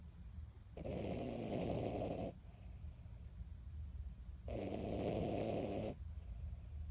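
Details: 16-year-old Miniature Dachshund napping after her weekly bath, snoring loudly: two rough, rattling snores of about a second and a half each, separated by quiet exhalations, near nine breaths a minute.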